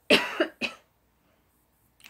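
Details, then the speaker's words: Adult with allergies gives two short, sharp dry coughs with no rattle or phlegm: dry cough. "okay so these allergies are totally getting me of how to really dry cough for a while that scared me or whatever that noise was"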